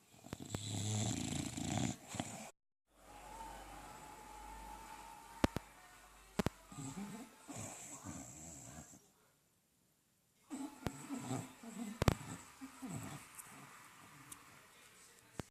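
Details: An English Bulldog snoring loudly.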